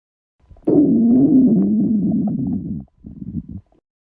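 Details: Girls' stomachs growling from hunger: a loud, long, low gurgling rumble with a wavering pitch, then a shorter, softer bubbling growl (borborygmi).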